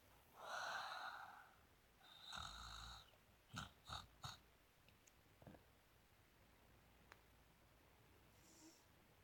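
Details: Pig snoring: two long, rough snoring breaths, then a quick run of three short snorts and quieter breathing.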